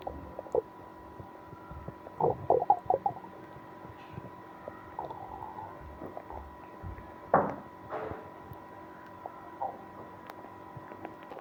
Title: Stomach pain after eating ice cream (stomach noise)